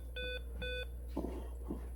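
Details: Bedside patient monitor alarm during SVT with hypoxia, oxygen saturation falling despite high-flow oxygen: two quick, high, tonal beeps over a low room hum.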